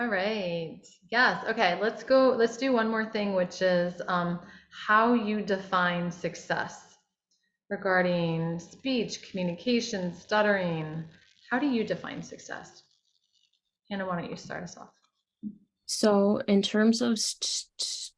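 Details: Adult woman speaking; Fluent speech.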